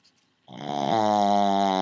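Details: Pug (flat-faced dog) snoring really loud: a loud, rumbling, buzzing snore held through one long breath.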